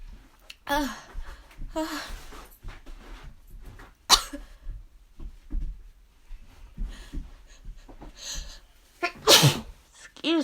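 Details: Several loud sneezes, each after a drawn-out vocal buildup, in a quiet room; repeated allergy sneezing.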